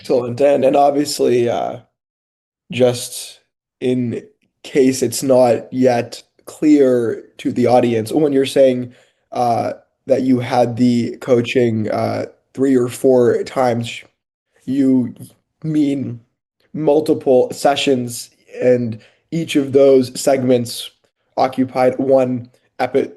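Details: Adult male speaker; typical speech.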